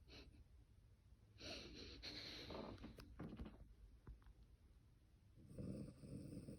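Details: Boxer dog snoring after playtime: two rough, rattling snores with a quieter pause between, in a small quiet room.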